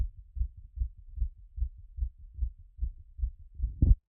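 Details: Own heart auscultated by stethoscope after a workout: quick, regular heartbeat at about 150 a minute with soft lub-dub pairs, settling from a peak of around 180.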